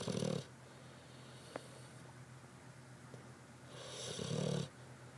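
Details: Snoring: two short, low, rattling snores with quiet breathing between them, in a quiet room.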